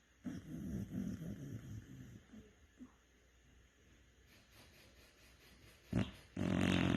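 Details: A sleeping dog gives a low rattling snore, then breathes more quietly and ends with a short snort. Dog snoring.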